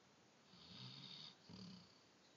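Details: Light snoring: two soft, raspy breaths with a hissy, airy edge against quiet background hiss.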